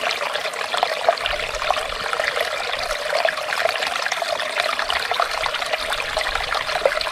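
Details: Ear irrigation during microscope-guided ear wax removal on a clinic client: continuous watery rushing and trickling with small crackles.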